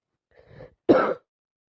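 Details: A single sneeze during a common cold: a brief soft intake followed by one sharp, forceful burst.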